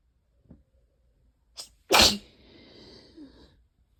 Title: really wet itchy allergy sneezes and a few coughs